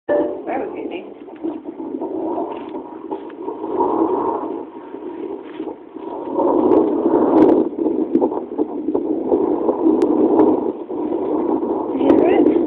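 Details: Fast, rhythmic whooshing pulses of a fetal heartbeat picked up by a monitor, with some static, recorded 3-20-13.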